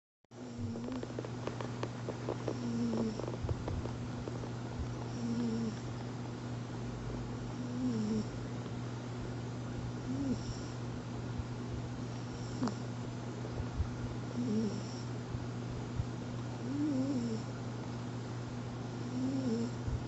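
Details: Sleeping tabby cat snoring: soft, regular snoring breaths about every two and a half seconds, roughly 24 a minute, over a steady electrical hum.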